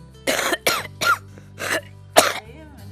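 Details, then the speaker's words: Demonstration of a wet cough in a children's chest physiotherapy and airway-clearance video: five loose, rattly cough bursts from mucus or phlegm in the airways, as heard in kids with chronic lung sickness. "We know that it's not good for you to have cough all the time, especially wet coughs. Wet coughs mean you have mucus or phlegm in your airways and sounds like this."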